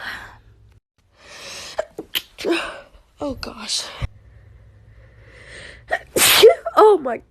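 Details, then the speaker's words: Sneezing fit in a person with hay fever, sneezing nonstop for about two hours with blocked nose, itchy eyes and trouble breathing: several quick sneezes with gasping breaths and groans between. "I'm sneezing, and I can't breathe. My eyes are itchy. My nose is so blocked, it's unreal. Just sneezed about 25 times in a row."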